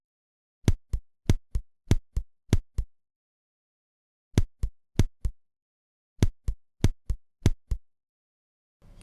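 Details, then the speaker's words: Simulated heart auscultation of second-degree sinoatrial block with dropped one and two QRS complexes: regular heart sounds broken by clearly audible long silent pauses where the heart does not contract. "синоатриальная Блокада второй степени с во падениями двух и одного комплекса крст паузы когда сердце не сокращается хорошо слышны на фоне ритмичной работы сердца"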